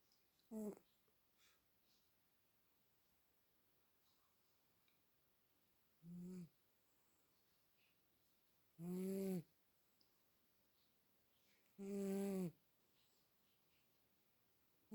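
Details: Dog snoring unusually quietly today: brief, soft snorting snores spaced about three seconds apart in a quiet room; light dog snoring.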